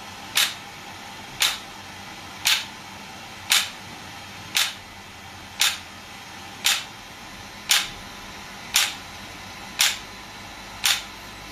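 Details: Shockwave therapy device (SW5S, used for ED and plantar fasciitis) firing: sharp regular snapping clicks about once a second.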